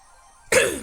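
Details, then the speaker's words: Single abrupt, rough throat-clearing burst after near silence, from a speaker who says their voice is hoarse (voix cassée). "pardon, j'ai la voix cassée."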